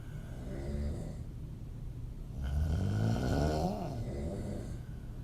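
Low rattling breath noise, louder on one long breath, with a room hum: open-mouth snoring.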